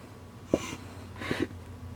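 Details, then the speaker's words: Bag valve mask ventilation on a training mannequin with a compact adult-sized pocket BVM, squeezed by a single rescuer with the face lifted into the mask: two airy whooshes with soft thumps as the bag is squeezed. "face up to you squeeze the bag okay so lift it up squeeze the bag and five over six to eight seconds"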